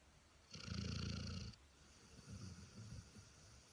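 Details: Dog snoring: one loud rattling snore, then softer snuffling breaths over a quiet room background.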